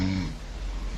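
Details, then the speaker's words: Brief, low, buzzing rumble from a sleeping adult woman, loudest at first then trailing into a rough, noisy tail, typical of snoring, recorded by herself. "that is me snoring that's that is me she recording it herself"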